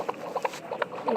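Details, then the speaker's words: A sick baby or child's quick, regular, soft clicking heartbeat, recorded on a small heart-shaped device and played back through a tiny speaker inside a stuffed toy given to a hospital heart patient. "With the parents' permission, Kelsey records the heartbeat of sick babies and children on a small device that actually looks like a heart."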